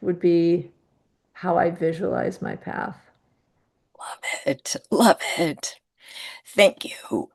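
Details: Woman who identifies with the spasmodic dysphonia community and reports difficulty being understood on phone calls; spasmodic dysphonia.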